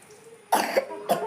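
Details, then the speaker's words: Adult sick with high fever for 4–6 days, weak, voice changed by the cough: two sharp, harsh bursts about half a second apart, the first with a brief rattling tail, over faint room noise: cough. "और बात करें तो आवाज़ भी, खांसी की वजह से ये आवाज़ है ना वो भी चेंज हो जाता है।"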